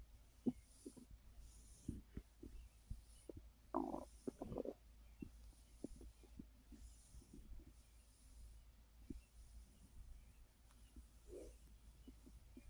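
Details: Soft irregular gurgles and rumbles over a steady low hum from a full stomach while resting after overeating (snacking after a gummy); borborygmi.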